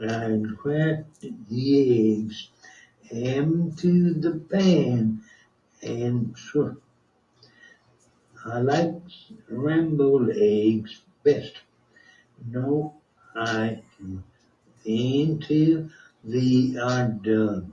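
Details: Man with post-stroke non-fluent aphasia, previously a severe expressive deficit, speaking during speech entrainment therapy while imitating an audio-visual speech model in real time (the model's voice may overlap): non-fluent (Broca's) aphasia.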